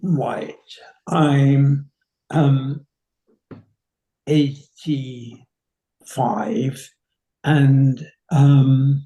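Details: 85-year-old man with nonfluent variant primary progressive aphasia confirmed by a neurology specialist, symptoms beginning seven or eight years before diagnosis, little speech therapy; slow, effortful speech with many pauses and fillers; nonfluent variant primary progressive aphasia.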